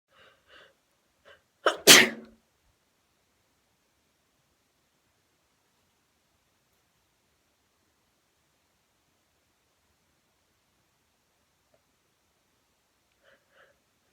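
A few faint breathy catches, then one loud sharp sneeze burst, followed by long quiet; sneezing.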